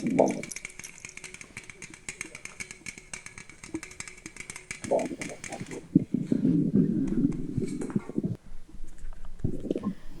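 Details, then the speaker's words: Pregnant woman after drinking carbonated cola and Sprite: fizzy crackling gives way to loud low gurgles and rumbles from her stomach; bowel sounds (borborygmi). "it's yeah, does. Yes, it's from my stomach."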